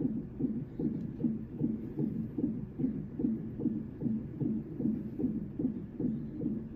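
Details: Fetal heart on a labor and delivery Doppler monitor, like an NST, at 38 weeks 2 days: rapid, regular whooshing pulses at about 150 beats a minute, a normal fetal heart rate. The monitor had been slipping.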